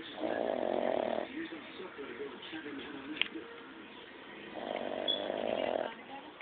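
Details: Benji snoring loud: two loud, buzzing, rattly snores on inhalation about four seconds apart, with quieter breathing between.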